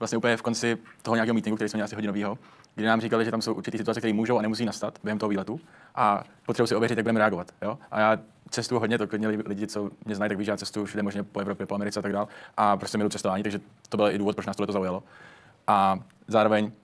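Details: Adult man speaking Czech; normal speech.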